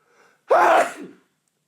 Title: Tickly Nose, Loud Sneeze 3 (M)